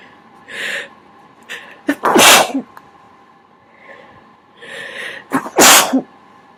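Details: Induced sneezes covered by the hands to make them quieter: two sneezes, each with a quick intake of breath before a muffled, covered burst; ordinary sneezing.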